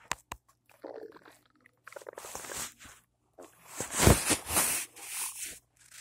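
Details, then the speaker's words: Adult's loud stomach rumbling in the morning after cereal with peanut butter and a cup of coffee; borborygmi. "I had cereal with peanut butter. Is that why my stomach's making all that noise? And a cup of coffee."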